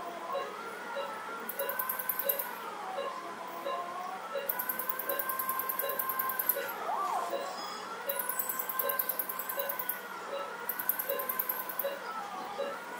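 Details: Rising and falling electronic tones with steady pulsed beeps and bursts of high hiss: a phacoemulsification machine on very low power in quadrant removal mode, emulsifying nucleus fragments during cataract surgery on a 70-year-old man with a mature white cataract.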